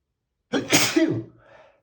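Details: Adult sneezing while reading a book aloud: one sharp, forceful sneeze with a brief intake before it and a soft trailing breath after; an ordinary sneeze.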